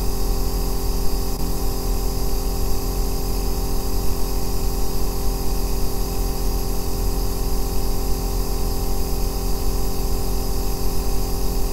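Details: Aerosol nebulizer running, recorded as deep-bass white noise for sleep and relaxation: a steady deep humming drone with a faint hiss and no breaks.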